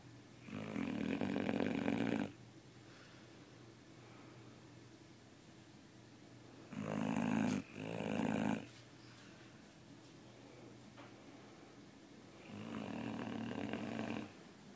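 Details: Great Dane asleep: loud, rough snores on each breath in, one broken into two parts, with quiet pauses between; ordinary snoring in a large dog.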